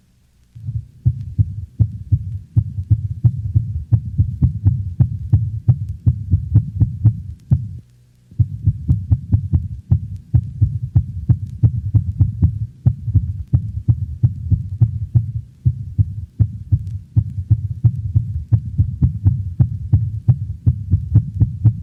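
Rapid, chaotic dog heartbeat with uneven spacing and loudness that changes beat to beat: atrial fibrillation.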